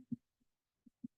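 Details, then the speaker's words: Normal heart sounds played at a veterinary cardiology talk on murmurs in dogs and cats: quiet, soft paired lub-dub thumps with clean silence between beats, no murmur. "I know it's quite quiet I tried to increase the sound but this the typical sounds that we hear we term ldub ldub and you would have heard that da da da there"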